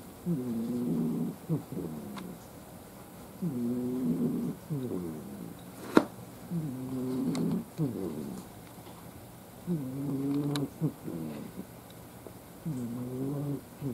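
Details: Sleeping cat: loud, fluttering snores about every three seconds, around 20 breaths a minute, rattling on each breath in and out; heavy snoring.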